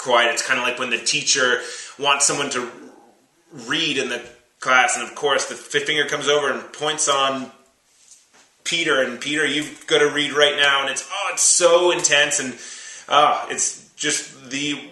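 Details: Stuttering in a 32-year-old man who has stuttered since about age three or four, had speech therapy from about age seven, and still stutters as an adult.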